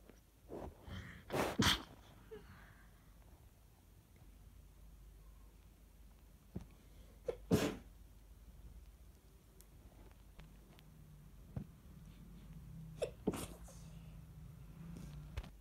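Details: Person with suspected cold or allergy, itchy sensitive nose, sneezing in bed or bathroom in the morning: several loud, sharp sneezes in a quiet small room, some muffled into tissue or sweater, with sniffing between; sneezing fit.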